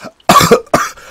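Two quick, harsh, forceful bursts from an adult man, the second shorter, with a faint throaty edge: a brief dry cough.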